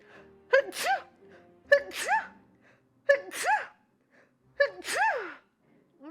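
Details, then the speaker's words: Female Twitch streamer sneezing rapidly: four quick sneezes in a row, each a high voiced gasp then a sharp burst, about every second and a half; she says sneezing sometimes gives her chills. "oh give myself chills sometimes when I sneeze"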